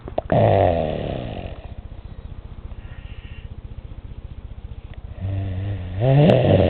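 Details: Snoring in a 3-year-old child at 4:30 in the morning: loud, harsh snores with a rattling, fluttering sound between the louder breaths during sleep.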